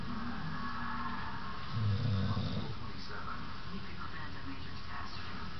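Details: Mild snoring from a sleeping pit bull: one low rumbling snore over steady room noise and faint television.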